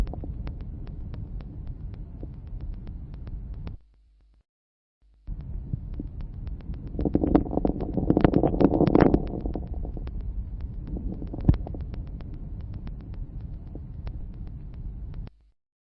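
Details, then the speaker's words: Teaching recording of lung auscultation: many fine crackles increasing in number and intensity toward the end of inspiration, best heard with slow, deep tidal breathing, seen in alveolar disease: late inspiratory crackles. "Ils sont nombreux, il s'agit de crépitants fins, ils augmentent en nombre et en intensité à la fin d'inspiration. Ce caractère est mieux perçu lors d'une ventilation à faible fréquence et grand volume courant."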